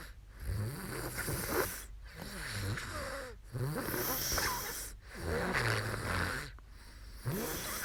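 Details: Young woman asleep during a live sleep stream, snoring: rhythmic rough, fluttering snores with each breath, roughly 38 a minute.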